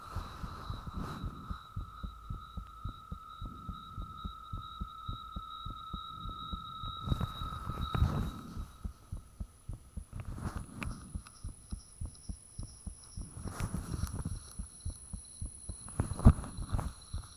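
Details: Person recording their own heartbeat with the fan off, soon after it became unusually thumpy; valve sounds audible: strong, regular thumps at roughly 90 a minute, with background hum, rushing and high squeaks. Heart sounds.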